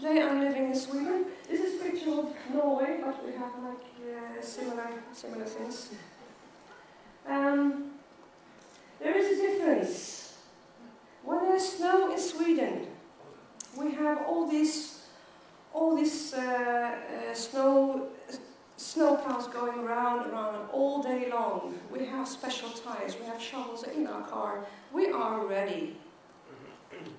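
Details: Adult woman who has stuttered since age 9, with blocks; stuttering.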